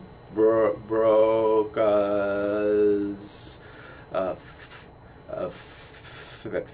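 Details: Instructor imitating Broca's aphasia, attributed to damage to Broca's speech planning area so words cannot be properly formed; acted, not a real patient; Broca's (expressive) aphasia.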